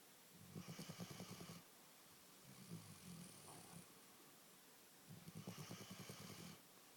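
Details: Sleeping animal snoring while snuggling: rhythmic fluttering snores with quieter breaths between them, about every few seconds.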